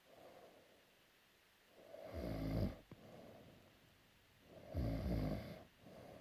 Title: Peka snoring